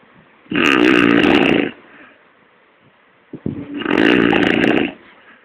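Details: Adult heavy snoring during sleep, two loud harsh rattling snores about three seconds apart with a brief snort before the second, recorded in Kochi, Kerala, India (koorkkam vali).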